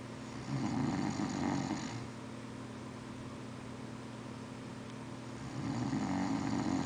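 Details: Friend snoring in a dorm room: two loud, rattling snores separated by a quieter exhale, against a steady low room hum.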